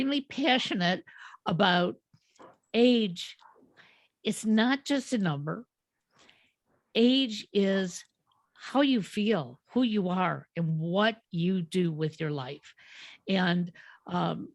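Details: Adult woman speaking; Normal speech.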